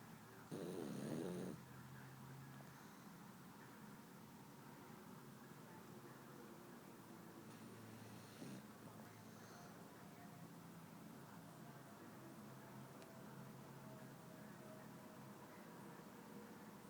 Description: My Boston snoring and making adorable noises.